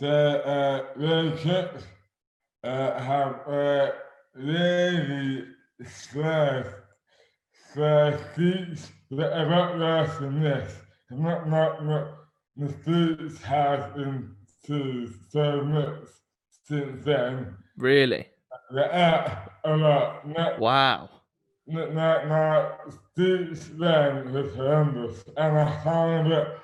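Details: Adult man with dystonia; slurred speech began suddenly overnight after a night out on the May bank holiday 2008, without known cause; hands also affected; speech dramatically impaired; dysarthria (oromandibular dystonia)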